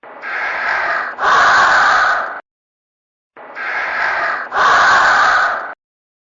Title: Akari Sleeping And Snoring (No Snore Text)